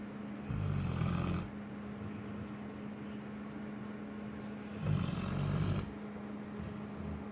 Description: Lola our cane corso snoring